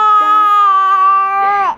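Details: Infant crying: loud, sustained, high-pitched wail with a clear tone that breaks and falls at the end; ordinary baby cry.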